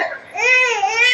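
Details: Baby girl crying during a haircut: brief high-pitched wail rising from a whimper into a sustained cry, an ordinary infant cry.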